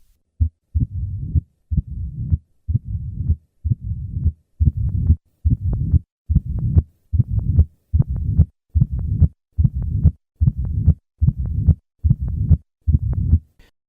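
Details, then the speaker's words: Mitral stenosis: a low-pitched diastolic rumble with each beat grows louder as the heart rate increases after the patient performs a few sit-ups. Mitral stenosis murmur. "The murmur of mital stenosis becomes louder with maneuvers that increase heart rate. An easy way to produce this effect at the bedside is to have the patient perform a few sit-ups. Note the change in this murmur as the heart rate increases."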